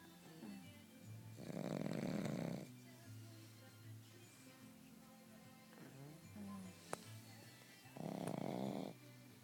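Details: Sleeping pug snoring: two loud, rough snoring bursts on in-breath with quieter breathing between; faint background music.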